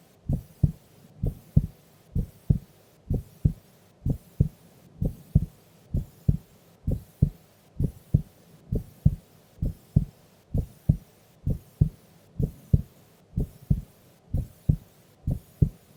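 Steady, regular lub-dub heartbeat at about 65 beats a minute; normal heart sounds during sleep.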